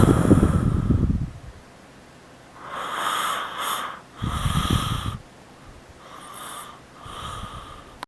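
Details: Adult father snoring while asleep: loud, rough, rattling inhalations with hissing exhalations between them, heavy snoring.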